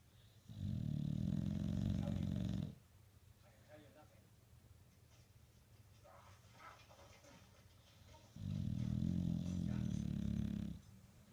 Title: Dog snores